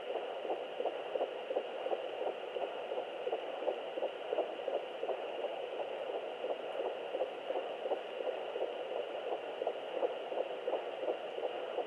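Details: Fetal heartbeat at 11 weeks of pregnancy on Doppler: rapid, regular whooshing pulses at about 170 per minute.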